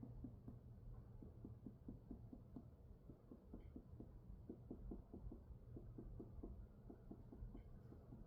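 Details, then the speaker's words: Abdominal percussion during a physical exam demonstration: rapid paired finger taps give short, hollow knocks whose pitch shifts over solid versus other areas as the examiner moves around. "Those sound those sounds change based on uh whether we're over like a solid"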